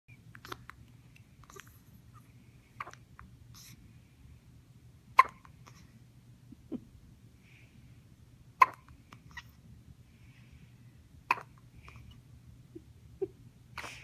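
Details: Abrupt, sharp little gulping catches, roughly 17 a minute at irregular spacing, in a quiet room; hiccups.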